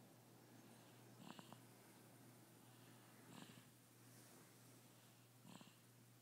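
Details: Person asleep during Star Wars snoring: soft, fluttering snores with each breath, about 28 a minute, over a steady background hum; ordinary snoring.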